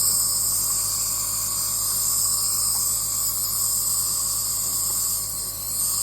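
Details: Nebuliser used for a child's common cough and cold; steady high-pitched hiss with faint low hum of the running nebuliser.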